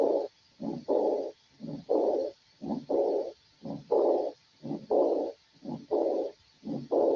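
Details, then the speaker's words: Severe aortic regurgitation: diastolic murmur. "En una insuficiencia severa. Esto es en una insuficiencia severa, ¿ya?"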